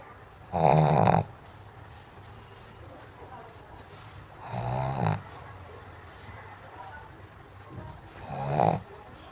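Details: Snoring from a sleeping pug dog.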